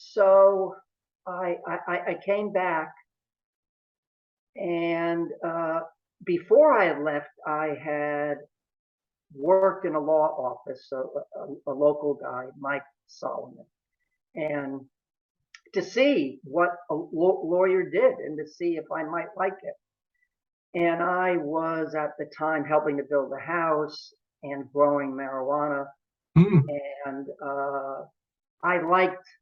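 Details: Adult male lawyer who has stuttered since early childhood, severity fluctuating over the years, now about 95% fluent day to day but still stuttering sometimes; stuttering.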